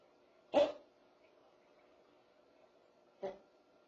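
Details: Dog with kennel cough gives two sharp, harsh hacking bursts in a quiet room.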